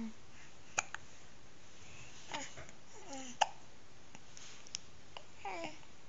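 Several short, sharp gulping sounds at irregular spacing over a quiet room, with faint babbling in between: hiccups.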